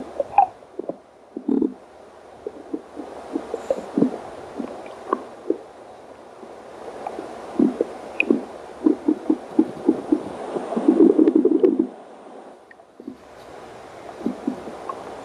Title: angry stomach growl very hungry